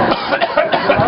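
A rapid run of short, harsh bursts in close succession, heard as a brief fit of coughing from an adult.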